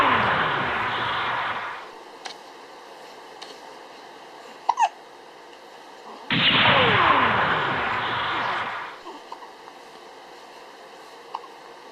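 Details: Hiccups in a 19-day-old newborn: brief soft hiccup sounds separated by longer stretches of rustling noise.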